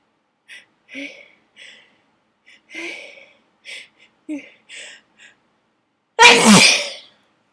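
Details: Sneezing fit set off by a dusty attic: several short, catching build-up breaths and gasps, then one loud explosive sneeze in a long, messy run of sneezes.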